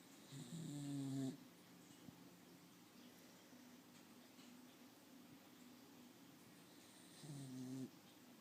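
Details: A sleeping dog with two soft, buzzing snores about six seconds apart and quiet breathing between them, about ten breaths a minute; dog snoring.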